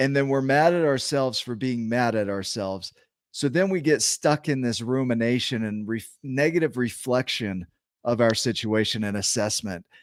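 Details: Adult male speaker; normal speech.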